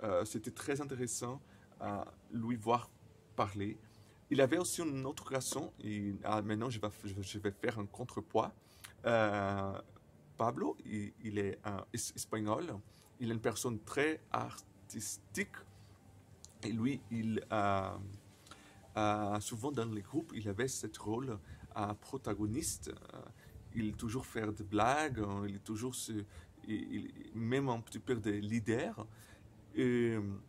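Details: 28-year-old Brazilian man who stutters, speaking non-native French; he says his stuttering very often includes silences and at other times many repetitions; stuttering.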